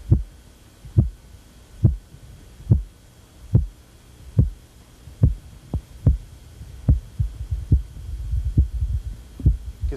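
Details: Korotkoff sounds with muffling (phase IV to V) in wide pulse pressure.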